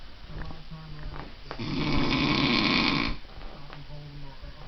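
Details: A person snoring: one long, loud, rough snore on an inward breath, with quieter breathing before and after in a small room.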